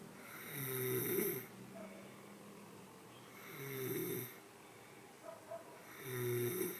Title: Snoring 101